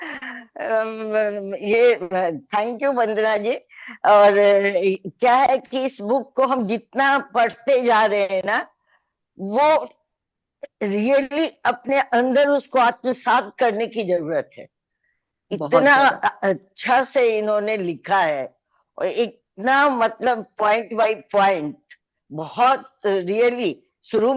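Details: Adult woman speaking Hindi with some English words; normal voice.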